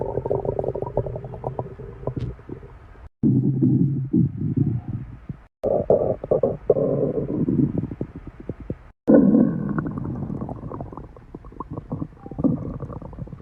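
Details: Ordinary stomach growling (borborygmi): continuous low rumbling and gurgling in several stretches with brief gaps.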